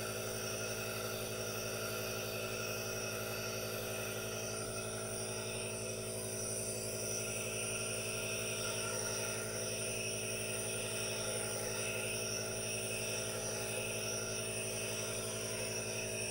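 Steady, unbroken motor hum with a hissing rush throughout; a running aerosol nebulizer.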